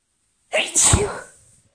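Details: Allergy sneeze about five minutes after an earlier sneezing fit: a single forceful sneeze with a quick intake, then the burst.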